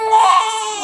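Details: Baby girl under one month old, constantly in pain, suspected reflux or neck spasms, crying during gentle head traction: sustained high-pitched wail with strong tonal voicing, a distressed cry; infant crying.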